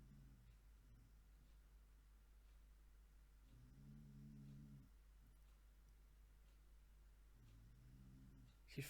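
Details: Snoring-like moaning sound recorded in a hospital, presented as possible paranormal activity and likened to an adult man.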